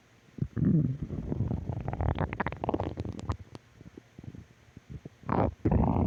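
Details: Stomach growling: loud low gurgling and rumbling with bubbling pops, then quieter clicks and another rumble: borborygmi.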